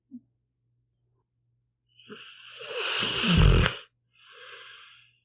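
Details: Pit bull dog snoring while asleep: long, rising snorting inhalation ending in a loud rattle, then a softer hissing exhalation over a low background hum.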